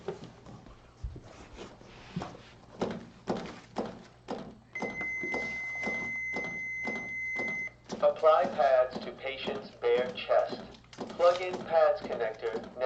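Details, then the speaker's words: Training AED during a CPR demo on a simulated cardiac arrest: rhythmic chest compression thumps, then a steady high tone as the AED charges for a shock after analysis, followed by talking. "when it analyzes and charges when it's ready to shock it'll start flashing and make some noise before you push that button"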